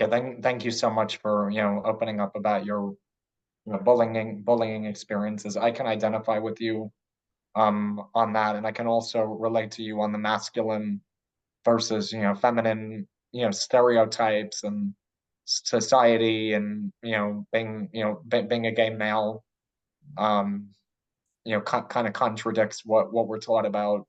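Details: Adult man who identifies as a person who stutters and is open about his stutter at work; stuttering.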